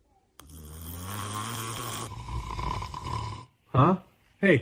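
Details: Dad's long, loud rattling snore followed by two short snorts, with a baby reacting nearby; ordinary snoring.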